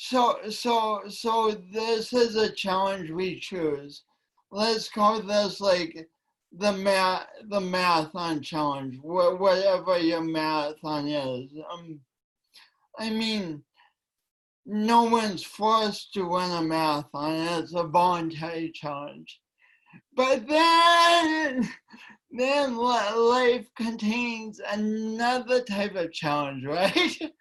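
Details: Female speaker with a self-described speech impediment affecting her voice and coordination, which she tried to deny for years; disfluent speech, speech impediment.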